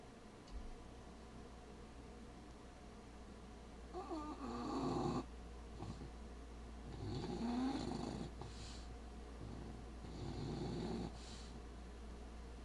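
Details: A bulldog snores herself awake, then goes straight back to sleep: rough, throaty snores recur about every three seconds against a steady low hum. Loud snoring.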